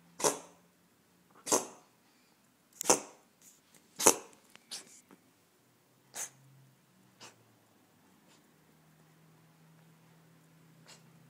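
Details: Male Korat cat, coughing for 3 days, gives a series of short, sharp, hissing cough bursts, strong then weaker; the owner is unsure whether it is a furball or something more serious.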